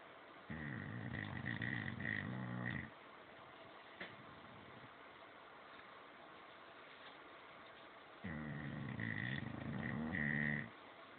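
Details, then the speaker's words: Adult male English Bulldog snoring in sleep: two long, low, rattling snores a few seconds apart with quiet breathing between. "spot spot buddy oh buddy you were snoring you weren't oh buddy"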